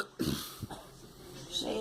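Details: Girl coughing: a few short, abrupt coughs with brief pauses between them in a small room.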